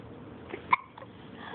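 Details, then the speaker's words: Infant girl gives a single sharp, brief hiccup with a tonal catch amid quiet room noise; hiccups. "got the hiccups"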